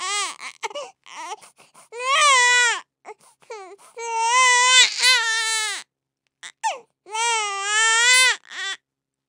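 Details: Stock baby-cry sound effect: an infant cries in long, loud wails separated by short gasping breaths and brief fussy sounds.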